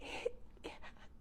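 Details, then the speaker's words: Imitated breathless speech during an asthma attack, demonstrated by a nurse: a short, breathy, gasping utterance, as patients can barely say a sentence. "and also difficult in talking when they talk you can they can barely say a sentence if you ask them what's your name they might say"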